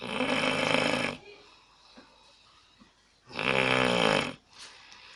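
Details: Person asleep, recorded on an Alcatel Onetouch Flash Plus phone: two long, loud, rattling snores about three seconds apart with quiet breathing between; snoring.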